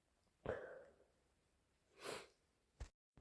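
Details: Wet, explosive sneeze with sniffing from a person with a head cold, still stuffy with a very itchy nose. A sniff-like rush of air and a brief final burst follow.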